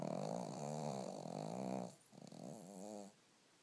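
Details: A sleeping dog snores: a long, rattling, rumbling breath, a brief pause, then a shorter rumbling breath, in a quiet room.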